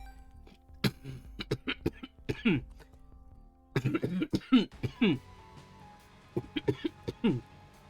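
Three clusters of repeated harsh, throaty cough bursts over soft background music; a congested, productive coughing fit.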